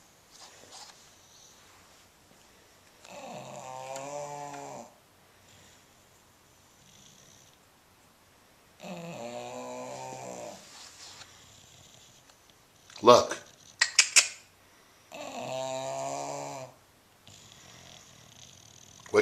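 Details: 10-year-old bulldog asleep: loud, rough snoring in long drawn breaths roughly every six seconds with sharp snorts between; snores loudly enough to sometimes wake himself; snoring.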